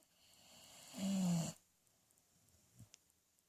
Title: Sis snoring